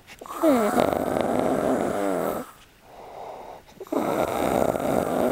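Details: Loud, harsh snoring on each in-breath from a man sleeping in a shared room on a trip, a rough vibrating rattle with quieter breathing between snores.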